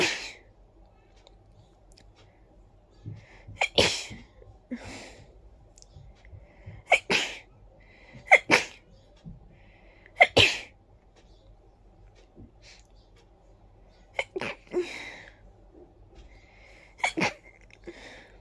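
A run of about eight sharp, explosive sneezes with quiet pauses between them. Repeated sneezing.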